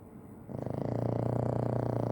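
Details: Dog snoring: a steady, fast-fluttering rattle that builds and holds through one long breath, a flat-faced dog's snore.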